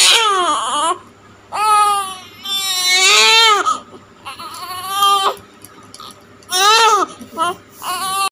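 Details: Newborn's first cry after birth: loud, strong bursts of crying with pauses for breath between them.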